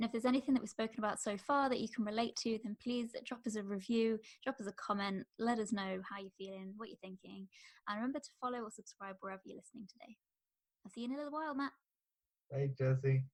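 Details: Adult woman speaking; normal speech.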